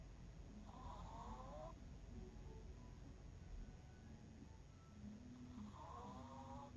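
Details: 11-year-old miniature pinscher snoring in sleep: two soft, wheezy, whistling snores several seconds apart over a steady background hum.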